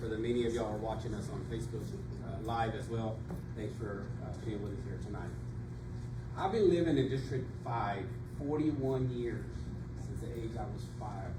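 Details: Adult man speaking at a public forum; normal speech.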